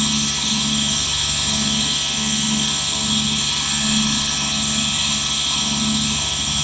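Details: A steady hissing mechanical hum with a faint pulsing whirr; the continuous running sound of a nebulizer compressor.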